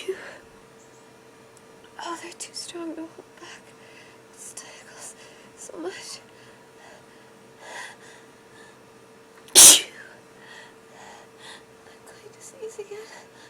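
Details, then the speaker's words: Acted, simulated sneeze while pretending to hide and hold it back: soft whispered breaths and sniffles, then one sharp, loud sneeze burst. "I'm going to sneeze again. I'm going to sneeze. Oh no."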